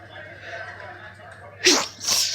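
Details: Hay fever sneezing while studying in a Starbucks café: a sharp sneeze burst with a smaller follow-up, over faint room chatter.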